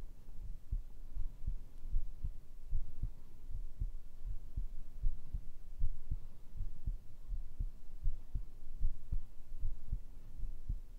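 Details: ASMR heartbeat recording, tagged binaural microphone: steady low muffled thumps at about 78 beats a minute with a faint hum beneath; regular, normal heartbeat.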